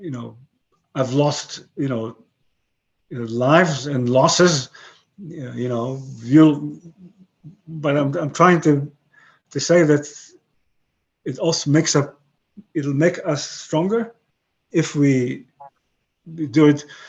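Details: 62-year-old man with aphasia following a stroke about 11 years earlier; he retains broken English and Hebrew but lost his other languages; aphasia.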